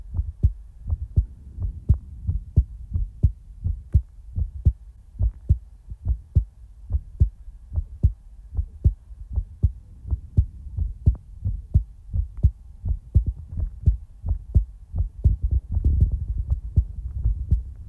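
Steady, soft low thumps of a heartbeat at about 85 beats a minute with a regular rhythm; a normal heartbeat.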